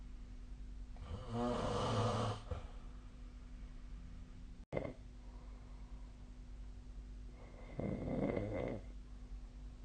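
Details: Snoring during sleep, recorded with the SnoreLab snore app: two long, rough, vibrating snores on the in-breath about six seconds apart over steady room hum.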